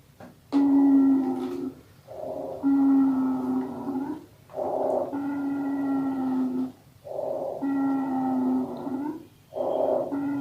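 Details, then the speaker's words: Abnormal lung sound: musical, high-pitched whistling repeating with each breath, a wheeze from narrowed airways. "مع صوت الويزنج ساوند، يبقى أول حاجة هنسمعها الويزنج ساوند."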